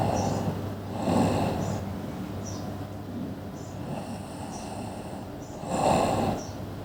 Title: Snoring | Annoying Sounds นอนกรน เสียงที่น่ารำคาญ